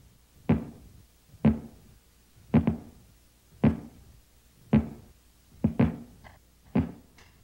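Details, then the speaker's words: Korotkoff sounds heard with a stethoscope as blood pressure cuff pressure is reduced: regular soft tapping thumps at about 55 a minute, the first taps marking systolic pressure as the artery reopens and eddies form. "The blood is flowing again. Eddies form, and these make a noise in the artery. The sound can be clearly heard with a stethoscope."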